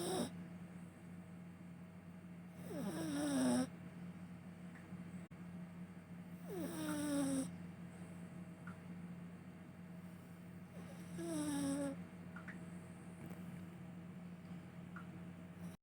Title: Does your babies snore like this 😂